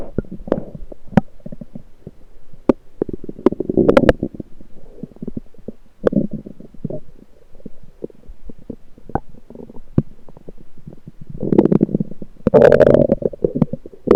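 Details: Lower intestinal gurgling recorded with a USB electronic stethoscope: irregular gurgles and clicks with louder rumbling bursts, ordinary active bowel sounds.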